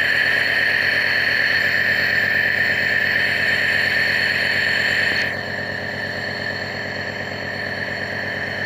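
Steady mechanical buzzing hum with a high whine from a running nebulizer compressor; the tone drops slightly partway through.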